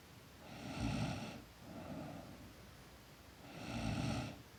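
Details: Sleeping girl snoring: two loud rough snores on breathing in with a softer breath between.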